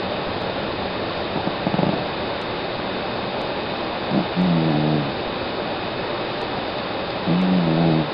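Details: About 13-year-old female cat snoring very loudly in sleep: a few low, buzzing, tonal snores over a steady background hiss.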